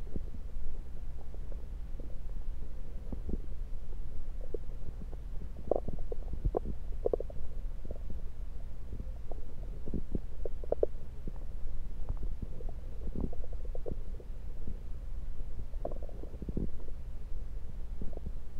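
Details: Bowel sounds heard through a stethoscope placed around the belly, recorded mainly to show stethoscope placement: frequent gurgles and clicks over steady low rumbling; active, ordinary bowel sounds.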